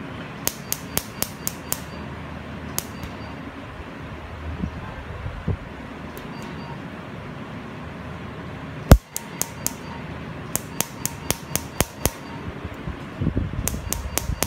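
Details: Pulses of a tattoo-removal laser during a laser tattoo removal session at a dermatology clinic: sharp, evenly spaced clicks in quick bursts over a low room hum, with one louder snap; patient warned of slight stinging.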